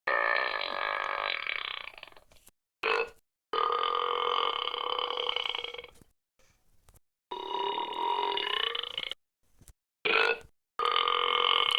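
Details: Stock sound-effect recordings of burping: a series of long, croaking, voiced belches separated by short gaps.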